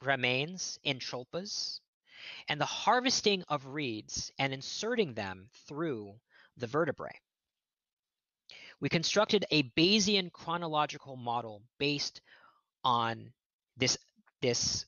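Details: Real stuttering with word repetitions in an adult man who states he is a person who stutters, heard during a lecture he is giving.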